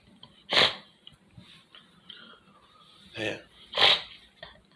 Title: Early Morning Living Room Sneeze Part Three Sniffing The Nose With Snot #sneeze